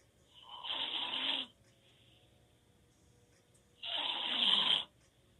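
Two loud, harsh breathing noises a couple of seconds apart during sleep, with quiet between; open-mouth snoring.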